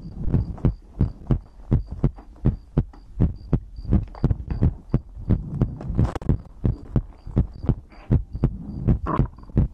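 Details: ASMR recording of the creator's own heartbeat with breathing, from a livestream compilation: steady deep thumping heartbeat at about 82 beats a minute with a faint steady hum behind; normal heartbeat.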